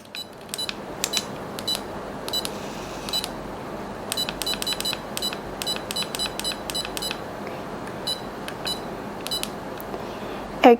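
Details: DENCO E-MATE TEC brushless endodontic motor for root canal treatment, during unboxing: short, high electronic beeps in irregular runs over quiet room noise, alert tones in working mode.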